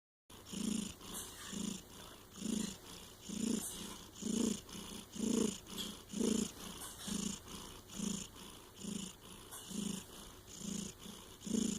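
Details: Snoring.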